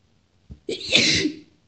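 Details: A female, possibly reacting to spring, gives a brief catch of breath and then one powerful, wet, hissing sneeze; a single sneeze.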